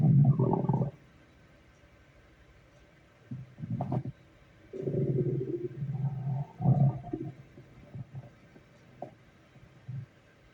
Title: Stomach growling at work.